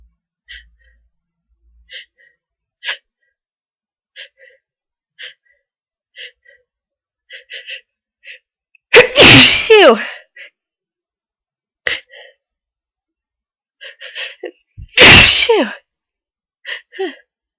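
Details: Person near the end of a cold with a long, hard buildup to sneezing: a series of small catching breaths and sniffs, then two loud, explosive sneezes.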